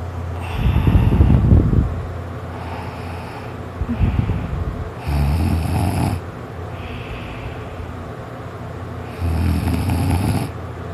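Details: Person napping, just starting to snore: loud, rattling, low snores with each breath, roughly four cycles in eleven seconds, quieter breaths between; snoring.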